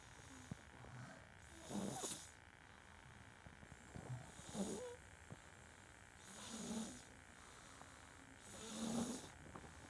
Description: My baby snores loud!!